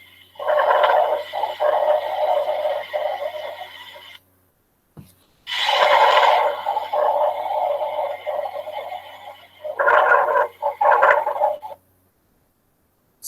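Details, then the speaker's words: Coarse, rattling, snore-like continuous sounds with each breath, about 15 a minute; rhonchi from air passing airways obstructed by thick secretions, which clear after coughing and may occur in bronchitis. "son producto del paso del aire a través de una vía obstruida por secreciones espesas algo característico de los roncos es que desaparecen después de que el paciente tose"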